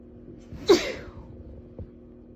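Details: Female hiding in a bathroom at Christmas to sneeze unheard: one ordinary, sharp sneeze against quiet room noise, followed by a faint sound. Sneezing.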